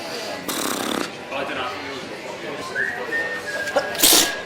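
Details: Sneezing: forceful, noisy bursts consistent with sneezes, heard amid background talk and room noise.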